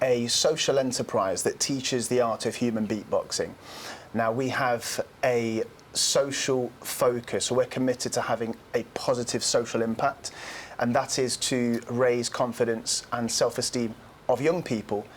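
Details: Adult man speaking; Normal speech.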